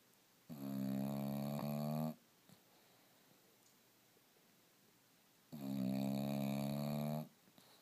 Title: Otis the Bulldog Snoring video from new iPhone 4s